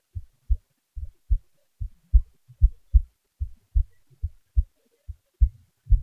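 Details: Person's own heartbeat recorded close-up with the volume raised: regular low paired thumps at about 74 beats a minute, normal resting heart sounds.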